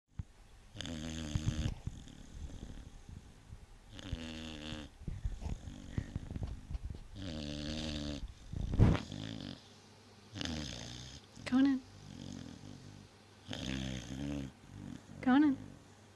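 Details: Vizsla dog snoring loudly in its sleep, only in certain positions and stopped by a nudge: loud, irregular snores with rumbling inhalations and a few squeaky nasal sounds, roughly nine breaths a minute.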